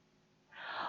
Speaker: that last through inspiration and fade out of your range of hearing relatively early in expiration the ratio is three to one